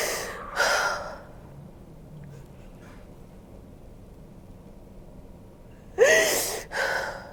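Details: Two pairs of sharp, noisy bursts of expelled air separated by a quiet gap, from a woman lying on her side during hands-on fascia healing with chiropractic adjustment; sneezes or forceful exhalations.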